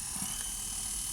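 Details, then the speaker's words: Restored vintage Japanese dental lathe switched up to its second speed setting: steady high-pitched motor whine and whirring hum, audibly faster; dental lathe running. "can hear there's a change of the the sound as well and definitely spawning a higher speed now"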